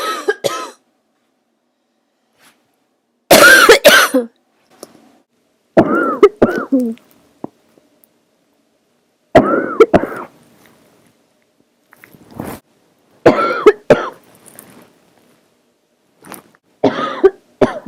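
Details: Person sick, throaty cough turning barking for the first time: six bouts of harsh, hoarse coughing separated by pauses, some with a throaty, honking bark quality.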